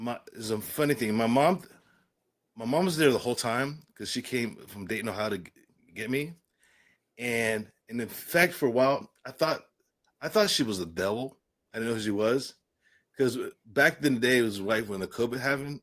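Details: Adult man with aphasia following a stroke; aphasia.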